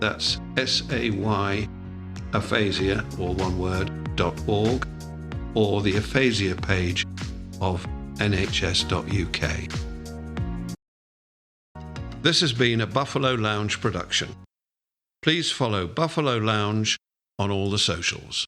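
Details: Adult male speaker; no disorder.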